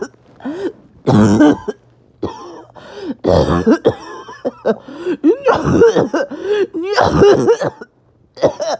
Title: Awful barking and wheezing cough